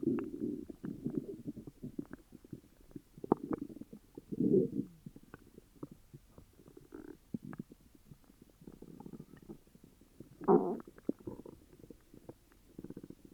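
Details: Upset stomach: low, irregular gurgles and rumbles with brief squelching bursts throughout, loud stomach growling: borborygmi.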